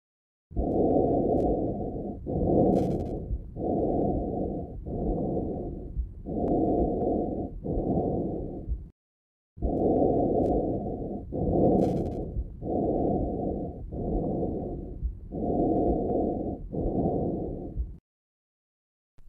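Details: High-pitched blowing breath sound heard over the large airways; normal tracheal breath sound.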